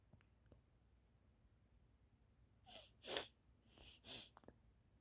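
Several short, hissy nasal bursts in quick succession, a run of sneezes with a stuffy, congested quality.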